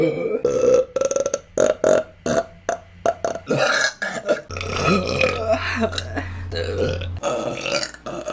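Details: Voluntary burping from a compilation: a long run of loud, repeated burps, some drawn out, with faint background music.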